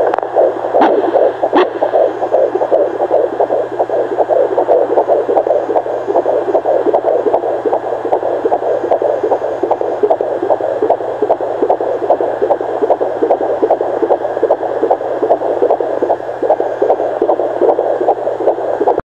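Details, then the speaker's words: Fetal heartbeat on Doppler at 18 weeks of pregnancy: rapid, steady whooshing pulses about 150 beats a minute, possibly with placenta and umbilical cord sounds. "there's the heartbeat there's the baby's heartbeat"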